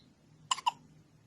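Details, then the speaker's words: Strong, recurring hiccups in a baby, possibly after drinking too much milk or not burping enough: two quick, sharp hiccup sounds in close succession over quiet room noise. "you got the hiccups again once you do what you're doing or two hiccups again oh what we're gonna do about that family"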